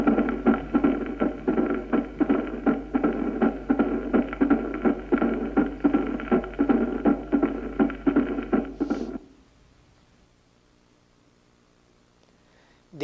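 Regular heartbeat at about 82 per minute, with a whooshing murmur filling the gaps after the beats; a diastolic murmur.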